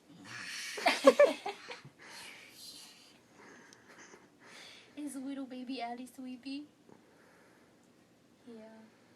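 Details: A young girl imitating snoring on request in a quiet room: a snorting, rattling breath followed by short voiced grunts.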